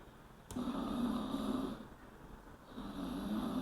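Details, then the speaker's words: Two long, droning snores with low buzzing tone, separated by a brief quieter gap after a soft click; third snoring sample in a chip-based snoring detection demo, detected as snoring. "监测到鼾声，监测到鼾声。下面是第3种鼾声的效果。监测到鼾声。"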